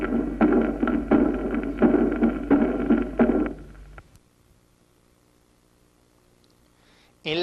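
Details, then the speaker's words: Regular heart cycles, about 87 a minute, with a soft, faint aortic second sound, first in aortic stenosis preceded by an ejection systolic murmur, then in aortic regurgitation followed by a blowing diastolic regurgitant murmur. "vamos a escucharlo primero en una estenosis aórtica precedido de un soplo sistólico de eyección y luego en una insuficiencia aórtica seguido por un soplo diastólica de timbre fluyente o soplante de regurgitación"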